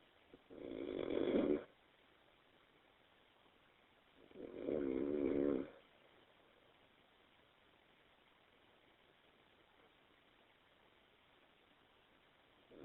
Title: Me Snoring